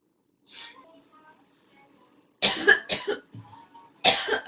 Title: Girl Coughing 437